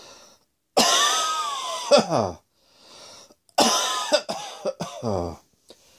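Two acted bouts of harsh, voiced coughing, the second with several rapid bursts trailing into a falling vocal groan, in a quiet room.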